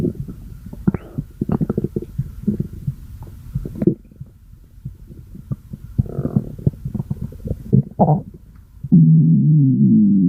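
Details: Irregular gurgling and low rumbling ending in a sustained growl; ordinary stomach growling.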